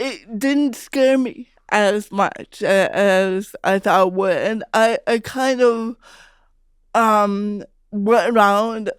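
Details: Real speech of an adult woman, a stand-up comedian who grew up with cerebral palsy; her speech was noticed as different by age five; dysarthria (cerebral palsy).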